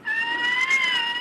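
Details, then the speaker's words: Baby's cry in cri du chat syndrome, a child with low muscle tone: thin, high-pitched, steady wail about a second long, like a small cat mewing; characteristic though not exclusive to the disease. "ese es el llanto de un bebé y se parece mucho al marido de un gato no es exclusivo de esta enfermedad pero es bastante característico"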